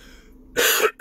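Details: A single abrupt throat-clearing, cough-like burst with a brief tail, a simple vocal tic in a 27-year-old man with Tourette syndrome.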